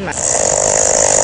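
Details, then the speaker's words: Snoring recorded overnight in a Korean public sauna (jjimjilbang), where over half of roughly 20 sleepers snored; measured at about 86 decibels, with snoring ranging from about 60 to 90 dB. "여기서도 드르렁, 저기서도 드르렁. 대략 20명 중에 절반 이상이 코를 골았는데요. 찜질방을 가득 메운 코골이 소리."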